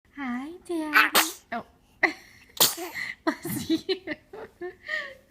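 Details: A voiced build-up, then sharp sneeze bursts and short vocal sounds afterward; sneezing.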